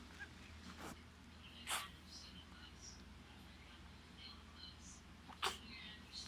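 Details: Repeated sneezing in a female: two brief, sharp sneeze bursts about four seconds apart over quiet room noise.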